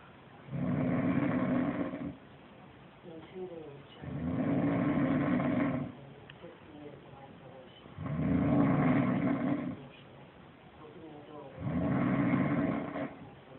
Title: Animal snoring zoo